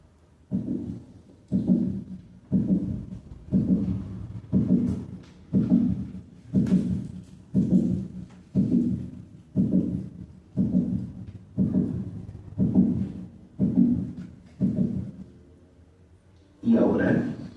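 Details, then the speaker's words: Teaching recording at the mitral valve area at 60 beats per minute: regular heartbeat with a mid-systolic click, sometimes an incidental finding in dogs without obvious heart disease. "escuchemos un chaido mesosistólico en el área Val mitral primero a 60 latidos por minuto"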